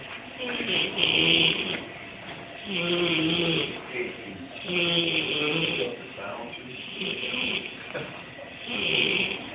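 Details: Female hotel worker asleep on the job, snoring loudly: harsh, rattling, vibrating snores at about 31 a minute.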